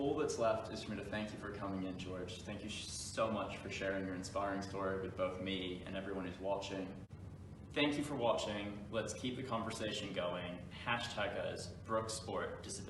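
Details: Adult male speaker; plain speech.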